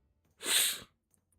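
A single sharp, hissing sneeze burst lasting about half a second.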